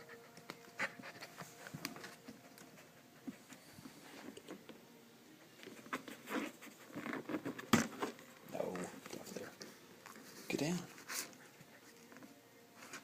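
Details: Puppy with hiccups after getting too excited outside, indoors: quick, irregular breathy puffs with occasional sharper jerks and faint pattering; panting.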